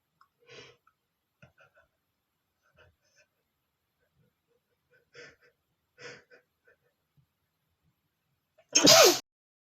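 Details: Male holding back sneezes: several soft, stifled sneeze attempts and catching breaths, ending in one full, loud sneeze.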